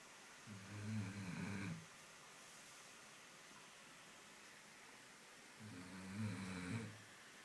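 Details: Dog resting at home after a long walk in pouring rain: two low, rattling snores with a quiet gap between, against steady background hiss; snoring.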